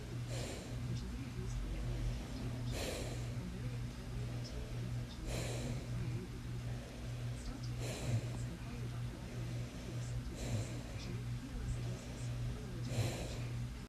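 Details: Sleeper snoring soundly, with snort-like nasal puffs: snoring.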